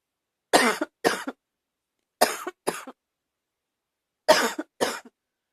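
Six short, harsh coughs come in three pairs with quiet gaps between, each with a slightly barking quality: a mild barking cough.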